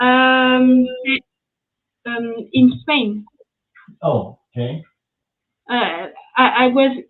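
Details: Post-stroke aphasia in a French woman speaking English, after an ischemic stroke at age 22 in July 2011; mute for 10 days, one year of rehabilitation, then spoke very badly even in her native language; speech still recovering.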